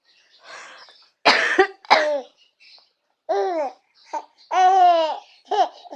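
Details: A mother gives a few short harsh coughs while her baby laughs and babbles brightly in a quiet room: cough.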